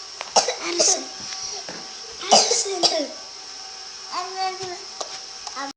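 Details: Imitated cough: a person deliberately mimics someone else's coughing, recorded on an Android phone.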